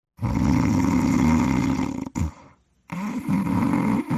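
Loud, rough, low rumbling breaths with a short pause between them: snoring.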